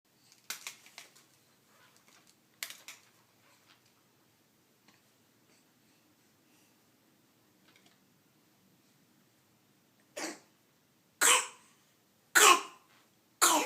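A dog gives a run of four harsh, forceful coughs after a quiet stretch with faint rustling.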